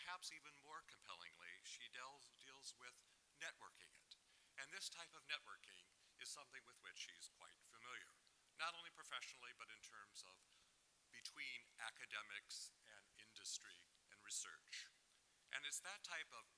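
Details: Adult man speaking; no voice disorder.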